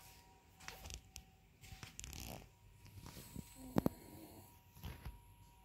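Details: Dog keeps snoring even after being woken up.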